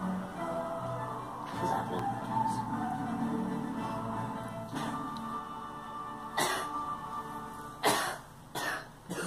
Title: Girl coughing